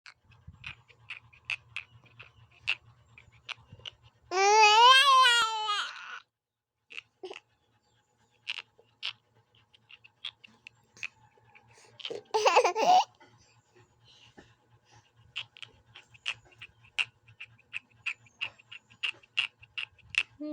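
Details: Baby grinding teeth: rapid, sharp clicking and scraping sounds broken by brief baby vocal sounds; bruxism.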